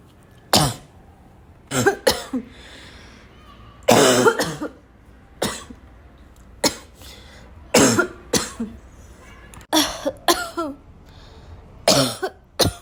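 Repeated harsh, barking coughs in clusters, about a dozen bursts over thirteen seconds, with gasping between them: a choking coughing fit.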